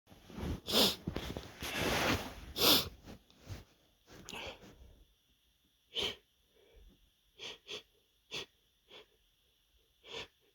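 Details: A male gives a run of loud, explosive sneezes, followed by a string of short, sharp sniffs and smaller bursts, then sighs. Repeated sneezing.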